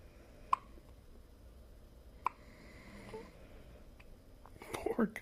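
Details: Newborn twin with hiccups: two sharp, brief catches about two seconds apart in a quiet room, followed by soft fussing sounds.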